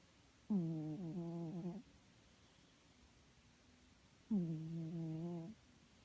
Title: My cat snoring